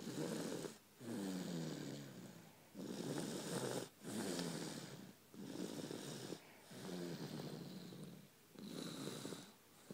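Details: Person snoring loudly during sleep: regular rough, fluttering breaths with short gaps, about seven in ten seconds.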